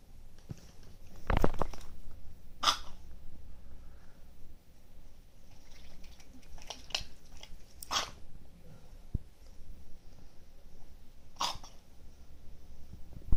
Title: Duck coughing (dark)